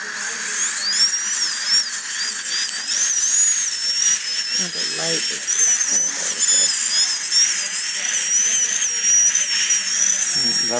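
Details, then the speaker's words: High-pitched whine of a dental drill rising and dipping as a needle-tip finishing bur polishes a composite filling of a class V abfraction lesion, placed with a margin matrix, over faint room noise. "now I'm going to polish this up I use a needle tip finishing"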